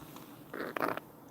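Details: Two brief bursts of wet, crackling rattle with a newborn Cane Corso puppy's breaths: crackles from fluid in the lungs.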